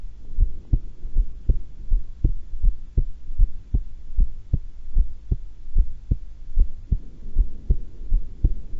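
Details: Normal heart sounds at rest during a breath-hold, calm and not excited: steady, soft heart thumps at about 77 beats a minute.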